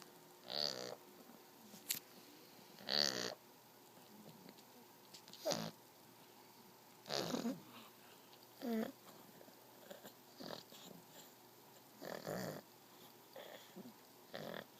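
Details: 8-week-old Shar Pei puppy asleep: soft snorting, rattly noises at uneven intervals in a quiet room; snoring.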